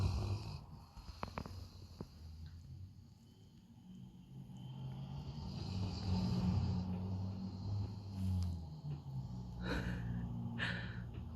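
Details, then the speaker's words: Low, rumbling snores with snorting breaths from a sleeping dog, with some room noise. "Is he snoring too loud? He doesn't let you sleep?"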